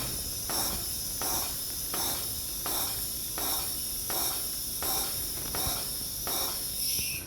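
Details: Intrapulmonary percussive ventilation during cystic fibrosis airway clearance, final cycle with saline nebulised, patient sitting up straight with cheeks stiff and good chest movement: rapid buzzing, hissing airflow in regular pulses of about 83 per minute.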